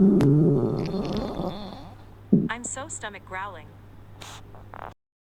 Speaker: Oh my, my tummy growling. I'm hungry.